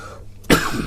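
A single short cough from an adult woman after a quiet moment.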